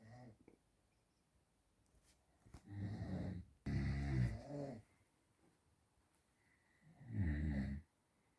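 Three loud, low, rattling snores on the breath in, separated by quiet pauses; ordinary snoring.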